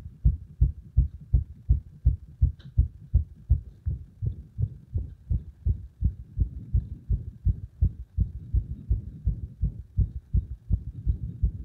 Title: 不整脈多めな圧迫心音